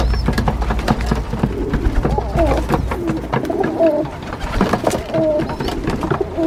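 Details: Female pigeon squeaking and coughing: short tonal squeaks and soft coos mixed with brief sharp cough-like bursts.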